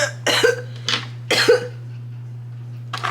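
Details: Adult makeup vlogger coughing after taking hits of smoke (420/cannabis content) between makeup steps: harsh, dry coughs in quick, uneven bursts with a steady hum behind them; irritant cough after smoking.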